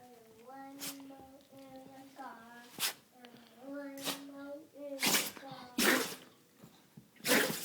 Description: Our family dog sneezing